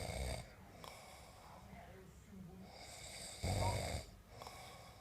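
Two brief, loud snoring breaths a few seconds apart, with soft breathing and faint background sound in between.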